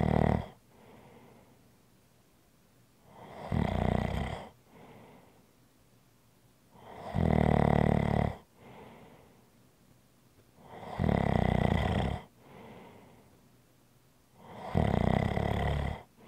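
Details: ASMR relaxation recording: loud rattling snores on each breath in with softer breaths out between, about four cycles in sixteen seconds. Snoring during sleep.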